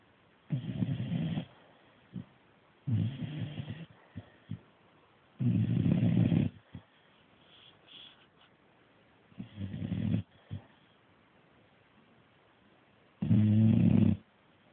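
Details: Staffie pup loudly snoring in deep, rattling, irregular bursts with short snorts while asleep after a hard day of chewing.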